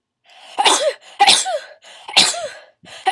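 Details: Sneezing fit with stuck sneezes: three forceful sneezes in quick succession, about one per second, each preceded by a short inward gasp.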